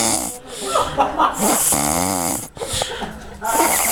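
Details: Snoring from an overweight adult man: loud, rough, snorting breaths with a buzzing, drawn-out breath in the middle.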